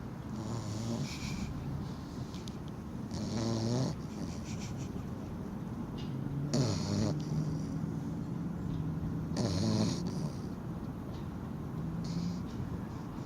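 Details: Stella snoring while sleeping, extremely exhausted after rock hopping at the river: low rumbling snores with snorting, fluttering bursts every few seconds over steady background noise.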